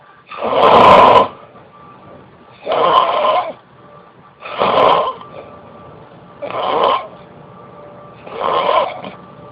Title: Snoring...